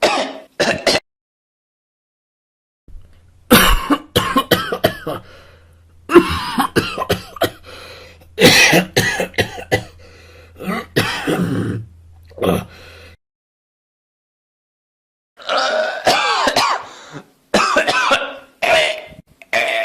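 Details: Auditory discrimination training sound for people with hearing difficulties: several harsh coughing bouts and throat clearing with pauses between; ordinary cough.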